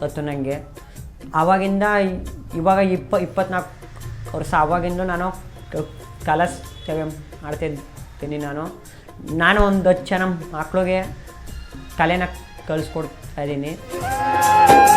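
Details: Male folk singer who stammers when speaking but sings fluently; a relative says he has had mouth trouble since childhood; stuttering.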